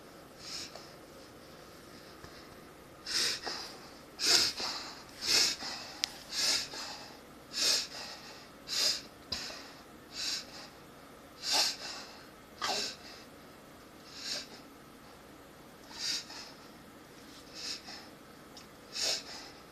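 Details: German Shepherd dog with suspected reverse sneezing (owner thinks): a series of sharp, hissing snorts drawn in through the nose.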